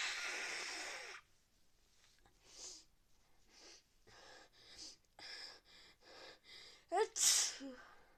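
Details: Loud sneeze, a run of short sniffing breaths, then a second forceful sneeze with sharp intake, from a person with fever, frequent sneezing and nose-blowing, who suspects a cold; sneezing.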